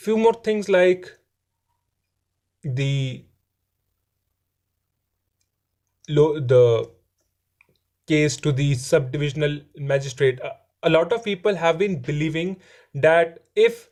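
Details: Adult male who says he stammers and that his stammering is improving; stuttering.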